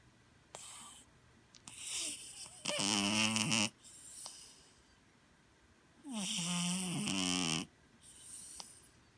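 Loud, buzzy snores on each breath in, with softer breaths out in between, about 15 breaths a minute. Snoring in a sleeping cat.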